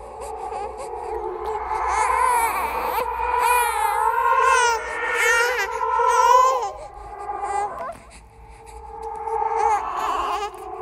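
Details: Horror sound-effect track, not a real baby: rising and falling wails with whimpering, like a crying infant; a ghost-baby imitation of an infant cry.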